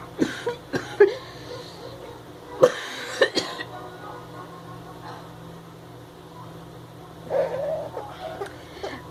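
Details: Adult with lab-confirmed whooping cough (pertussis): irregular bursts of harsh coughing and throat clearing.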